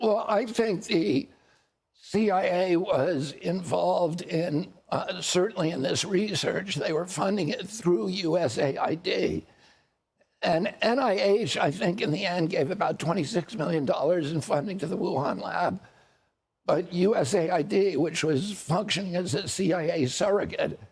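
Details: Adult man whose voice was very strong until age 42, when he developed a neurological condition he calls spasmodic dystonia that changed his voice; real spasmodic dystonia.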